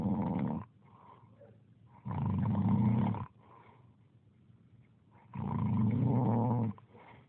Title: Snoring